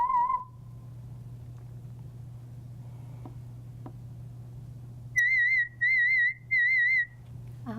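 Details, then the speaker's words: Pure-tone audiometry in a hearing-test booth using an audiometer: warbling test tones, one brief tone then three pulsed higher tones, over a steady hum. The patient signals by raising a hand or pressing a button, and volume is varied to find thresholds. "When the patient perceives the tone, then they will signal by either raising the hand or pushing a button. The audiologist will vary the volume of the signal, looking for the softest level that the patient can perceive the tone, and that's what we call the threshold."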